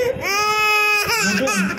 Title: cute baby girl blood test procedure ll